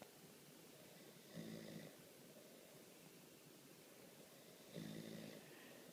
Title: My husband and our daughter crashed and snoring! Too cute!